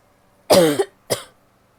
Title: coughing (f)